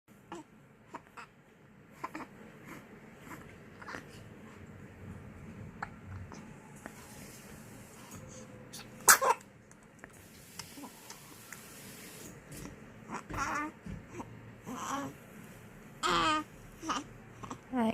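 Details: Newborn baby sneezing: a sharp, brief sneeze burst amid soft rustling and a few small vocal sounds; an ordinary infant sneeze.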